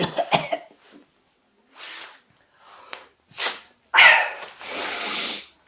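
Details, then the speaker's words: Acted harsh coughs and throat-clearing bursts in a monodrama, from a character whose common cold won't go away after frequent drinking gatherings, with headache; cough with common cold. "회식이 많아. 계속 모이고 하다 보니 감기가 떨어지지 않네."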